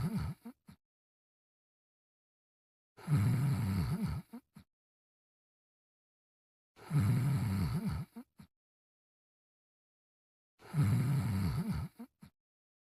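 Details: Three loud, rough, low snoring breaths each followed by short snorts, about 16 a minute; acted cartoon imitation of snoring, simulated not real.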